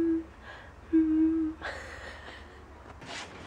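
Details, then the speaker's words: Sleeping cat (Beepina) making soft low tonal hums and quiet breathy exhalations, snore-like humming sounds in sleep. "she does the cutest little snoring sounds when she's asleep and she's like hmm"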